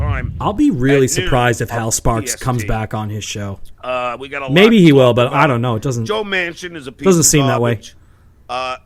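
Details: Adult man; normal speech.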